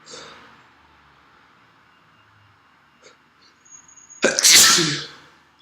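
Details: Person's sneeze: quiet breathing and a few short catches, then one loud, forceful sneeze.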